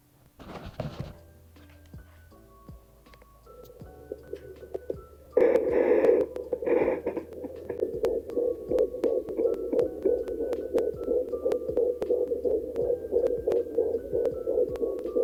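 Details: Fetal heartbeat at 17 weeks 2 days of pregnancy, picked up by a home fetal Doppler: fast, rapid whooshing pulses with music playing over it.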